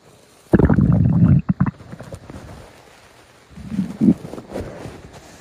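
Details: Loud low gurgling stomach rumble lasting about a second, then shorter bubbling gurgles after a pause; ordinary stomach growling (borborygmi).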